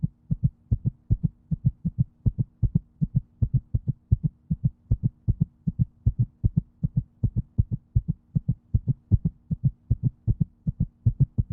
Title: Heartbeat sound #video